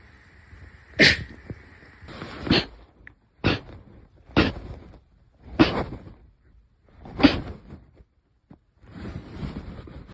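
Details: Sneezes 31 to 40 of a series: six sharp, explosive sneezes in about ten seconds, each a sudden burst of air with short quiet gaps between.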